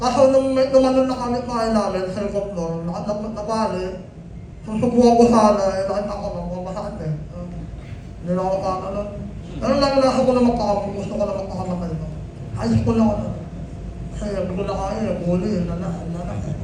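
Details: Film cast member who has 'ngongo' nasal speech, describing being imitated and bullied over his voice in high school: hypernasal speech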